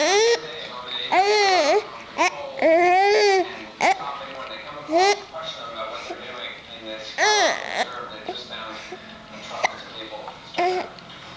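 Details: 3-month-old infant with hiccups crying: rising and falling wails broken by short fussing sounds and babble in a small room; infant crying.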